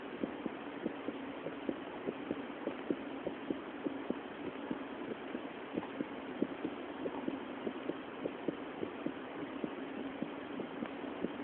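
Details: Female recorded with a homemade phone heart-sound microphone, her chest visibly twitching with each beat: steady, regular heartbeats at about 100 a minute over a constant low hum; normal heart sounds.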